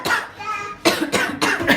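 Three short, harsh cough bursts in quick succession, acted for demonstration; an ordinary dry-sounding cough.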